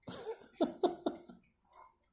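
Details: Person coughing after a therapy meant to help quit smoking: a short run of four harsh coughs in quick succession, then quiet breathing.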